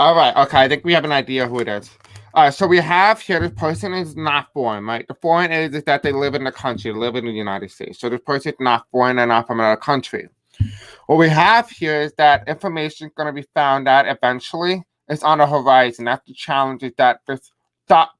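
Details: Adult man with deaf speech, a self-described deaf accent, who says he may have a hard time pronouncing certain words; unscripted live-stream speech; deaf speech.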